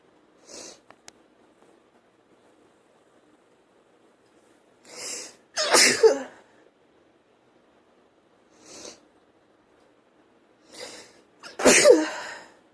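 Two loud, explosive sneezes, each preceded by a quick inward breath, with softer breathy sounds in between; ordinary sneezing.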